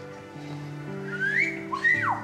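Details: 13-year-old boy with Tourette syndrome: sudden gliding whistles over soft orchestral music, consistent with vocal tics.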